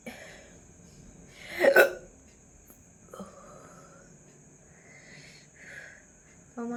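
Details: One loud, abrupt hiccup with a voiced catch, then quieter sounds in a room with a steady high hum; ongoing hiccups that began suddenly after eating a large luchi, with a gurgling feeling in the throat.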